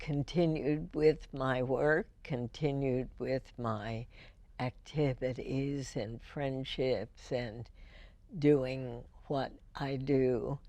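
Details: Woman with spasmodic dysphonia, diagnosed in 1998, treated every four months with botulinum toxin injections into the vocal cords; speech with deliberate pacing; spasmodic dysphonia.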